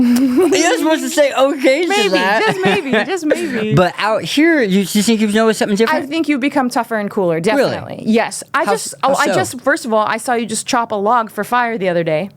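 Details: Adult woman in conversation; typical speech.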